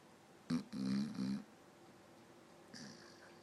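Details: Sleeping dog snoring and twitching: short low buzzing snorts in quick bursts, then a softer breath, over quiet room noise.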